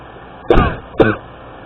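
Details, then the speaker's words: Two short, harsh, throat-clearing coughs in quick succession in a quiet room; the person says they feel they are choking, are ill and cannot get rid of the cough. "No sé qué hacer para quitarme esta tos."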